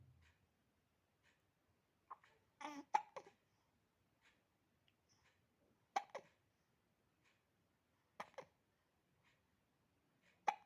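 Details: Eight-week-old baby boy with hiccups: short, abrupt hiccup sounds every two to three seconds, with faint baby breathing and small vocal noises between.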